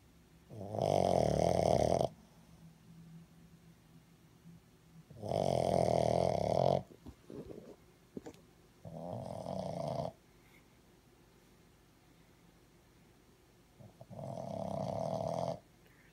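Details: Baby Boston Terrier puppy asleep: loud, rattling snores in four irregular breath cycles with quiet pauses between; snoring.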